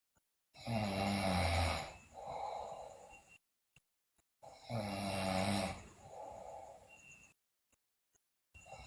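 Loud, rattling snores on each in-breath with a softer rasping out-breath, about 15 breaths a minute.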